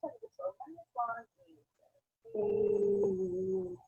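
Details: Abductor spasmodic dysphonia in a woman sustaining 'e', with difficulty keeping her vocal folds together.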